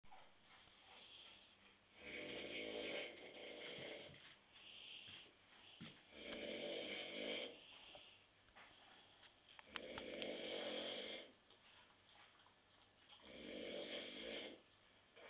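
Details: Adult man snoring on a sofa on a Saturday night after drinking many beers: four loud, rough, rasping snores in about 15 seconds, roughly 16 per minute, with quieter breaths between; snoring.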